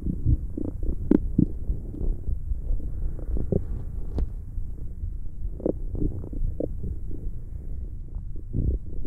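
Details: Stomach growling recorded for ASMR: low gurgling and rumbling bowel sounds with irregular bubbling bursts, normal borborygmi.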